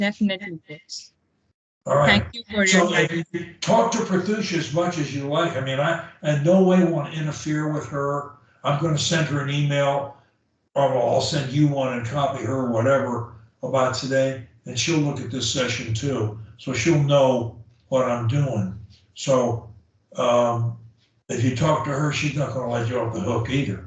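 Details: Adult man; fluent speech.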